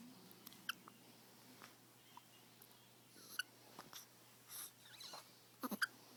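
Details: 5-day-old baby boy with hiccups: quiet, sharp little hiccup clicks, irregularly spaced, in a quiet room.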